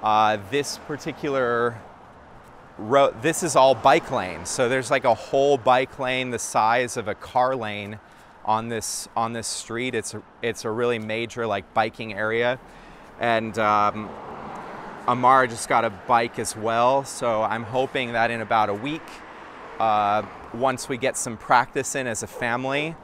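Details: Adult man speaking; ordinary speech.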